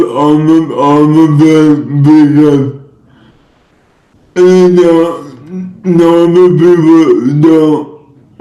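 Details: Speech of a male influencer with cerebral palsy, possibly dysarthric; no specific speech disorder is named.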